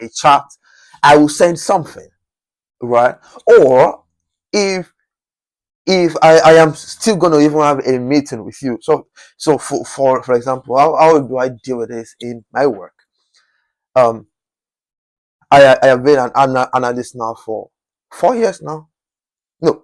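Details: Adult man whose stammering was once chronic and who still stammers occasionally; stuttering.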